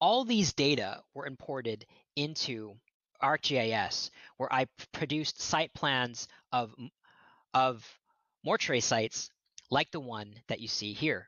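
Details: Real stuttering with word repetitions in an adult man who states he is a person who stutters, heard during a lecture he is giving.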